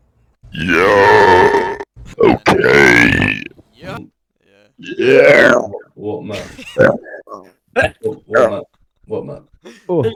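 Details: Burping while gaming: several long, loud, voiced burps followed by shorter grunting burp sounds.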